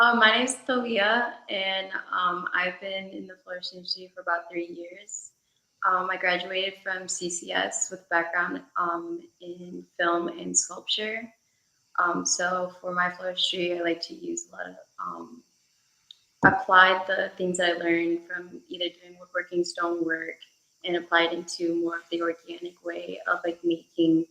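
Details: Adult woman speaking; typical voice.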